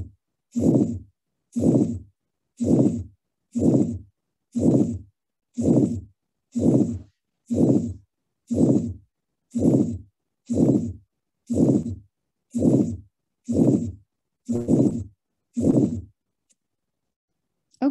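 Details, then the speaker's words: Aortic stenosis at the second right intercostal space, which may radiate to the right carotid: three normal beats, then a harsh systolic murmur at about 60 a minute with a very soft second sound. "so what we were here here list hearing was it was a harsh systolic murmur right is another clue the radiation"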